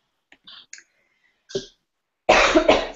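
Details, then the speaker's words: Adult with a little cough during a live cake-decorating tutorial: faint clicks and a soft throat sound, then two loud, harsh coughs in quick succession in a quiet room. "me, I have a little cough."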